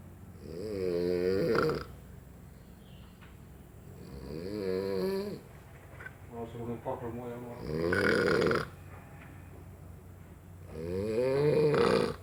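Loud, rattling inspiratory snores recurring about every three seconds, roughly 18 breaths a minute, with quiet exhalations between; typical snoring.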